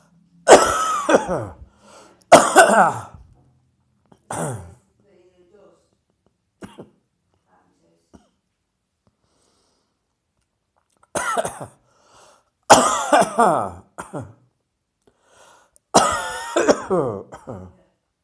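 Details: Coughing from dust in the air: two groups of loud, harsh, dry, irritated coughs, about seven bursts in all.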